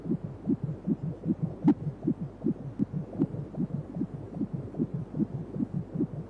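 Fast, regular whooshing pulses at about 150 a minute; a fetal heartbeat on ultrasound, within the normal fetal range.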